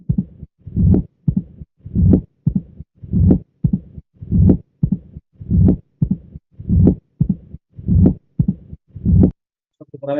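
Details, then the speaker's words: Pediatric auscultation, mitral stenosis: regular heart sounds about 50/min, opening snap after the second sound, low mid-diastolic rumble with presystolic accentuation. "pues cuando oigamos el tatá que sepamos que estamos oyendo el sastido de apertura nitral."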